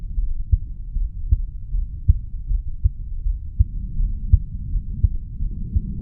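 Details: Regular low heartbeat thumps, about 79 per minute, from a 35-year-old male, recorded at the mitral (bicuspid) valve area after doing weights; normal heart sounds after exercise.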